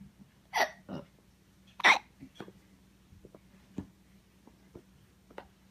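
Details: Hiccups keeping someone from sleeping: sharp, abrupt vocal catches repeating irregularly in a quiet room; hiccups.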